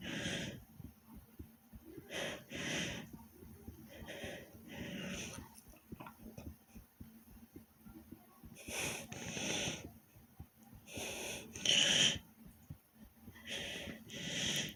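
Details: Own heavy breathing after doing different exercises, with heart beating fast: loud, deep, hissing breaths at about 22 to 24 a minute during recovery; heavy breathing after exercise.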